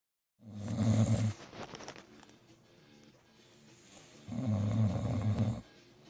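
Two long, low, rattling breaths in about six seconds, separated by a quiet pause: snoring.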